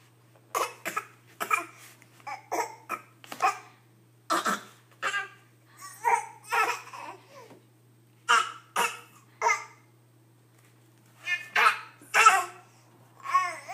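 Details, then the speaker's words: Infant boy making short, playful voluntary coughs mixed with babbling and giggly sounds: a pretend, fake cough, not illness. "oh oh my goodness you have a bad cough don't you you got a bad cough don't you weston silly boy you're so silly"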